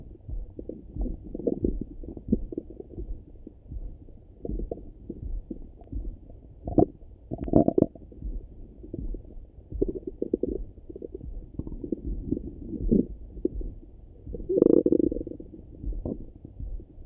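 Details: Continuous low gurgling and rumbling with a few louder bubbling surges, heard through a stethoscope over the stomach in the morning; active bowel sounds (borborygmi).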